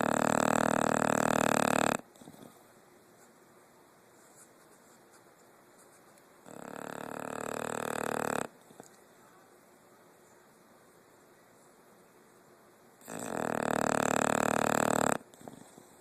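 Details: Dog sound asleep, snoring: three loud, rough, rattling breaths about six seconds apart, with quiet pauses between them.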